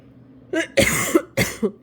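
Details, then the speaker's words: A 50-year-old woman gives a brief rough throat clear and two short coughs, saying she has a frog in her throat: cough with throat clearing. "Pardon. un chat dans la gorge."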